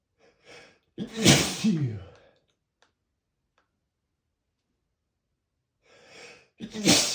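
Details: Two loud, unstifled sneezes, each a sharp, sudden explosive burst after a brief inward breath, showing the spray that results from not stifling; sneeze.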